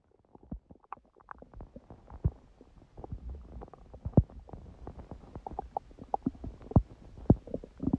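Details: Stomach growling (borborygmi) recorded at 1:30 a.m. after overeating udon at 19:30, the first gluten in a while: busy, irregular, nearly continuous gurgling, popping and low rumbling bowel sounds.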